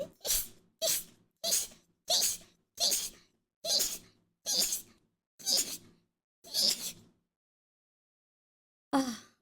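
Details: Female streamer sneezing in a rapid run: nine evenly spaced sharp sneezes, then one more after a pause; repeated sneezes.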